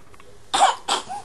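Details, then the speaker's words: A sick one-month-old baby girl coughs two short, dry coughs separated by a brief pause, with quiet room noise. She had earlier coughing fits with gasping for air. "you can hear the cough I didn't have a coughing fit again because she doesn't really feel good so I'm not really happy about that"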